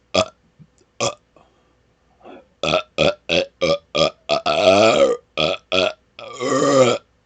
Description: Some of my best rapid-fire burps so far! :)